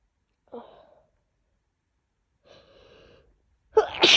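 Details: Woman coming down with a bad cold, very sneezy with a worsening cough: two soft breathy intakes, then a sharp, wet, explosive sneeze.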